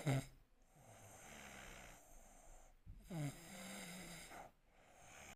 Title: My wife filmed me while snoring and fast asleep 😂 | snoring effects